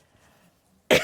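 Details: After a near-silent pause, one sharp, loud adult cough bursts out and is cut off, during a talk; the coughing speaker says she is wheezing but not sick.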